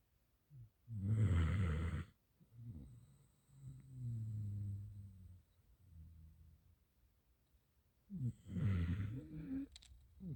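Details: Gampr dog snoring.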